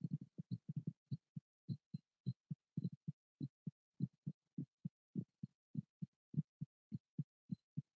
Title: ASMR live heartbeat